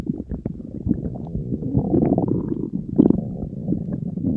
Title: Stomach Growl